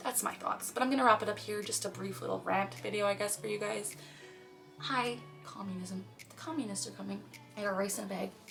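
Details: Complex vocal tics in a girl/young woman with Tourette syndrome; several tic phrases occur during speech.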